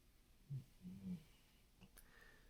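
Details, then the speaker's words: A female dog sleeping on the floor in a quiet room gives two soft, low rumbling breaths, followed by a faint click: dog snoring. "ackground, like usual, is my dog snoring over there. She's on the floor. I think you'll hear her clearer today because of the mic that I have."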